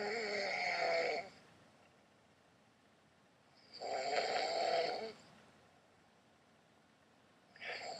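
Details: Adult man asleep: loud, buzzing, vibrating breaths about every four seconds with quiet pauses between; snoring.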